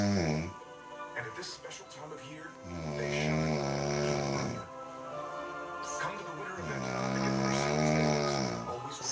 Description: Snoring and startled......